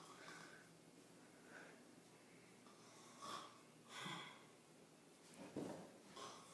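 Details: Snoring from a sleeping mother: a mom's snores as she sleeps before going to work.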